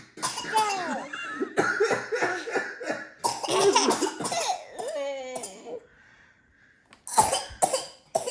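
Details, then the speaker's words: Toddler triplets give playful, deliberate coughs mixed with giggles in a coughing contest; voluntary pretend coughing, not illness. "Stop coughing. Making yourself cough, okay?"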